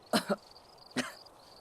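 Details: A sick individual having a sneeze attack: two short, sharp explosive sneezes, a quick double and then a single.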